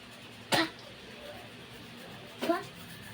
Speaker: Guys, yung tunog na ubo ni ate, wag yun na lang pansinin.